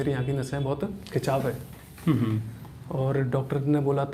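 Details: Pre-treatment recording of a male patient with a loudness problem, voicing with the ventricular (false vocal) folds: ventricular dysphonia.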